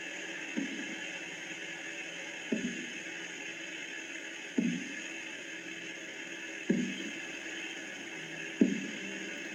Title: Korotkoff Sounds during BP ( Blood Pressure) measurement by Auscultatory Method.